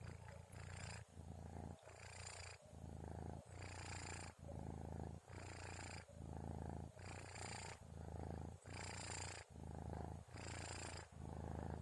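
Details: Sleeping kitten recorded at night around 2:30 a.m.: soft rhythmic rattling snore with each breath, about 14 breaths a minute; harmless sleep snoring.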